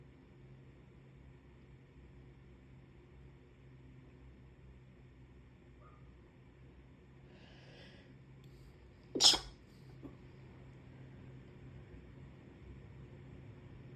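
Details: A single sharp sneeze from a puppy with a cold, a brief snuffle just before, over quiet room noise.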